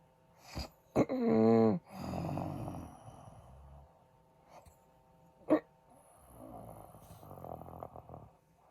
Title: Recorded My Husband Snoring 💤 😴